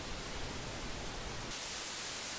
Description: The tinnitus sound can be very different for each person. This video shows you what tinnitus sounds like. Listen to ringing, white noise, static, buzzing, crickets, cicadas, roaring, hissing, steam, tea kettle, whooshing, electrical noise, and pulsatile heart beat.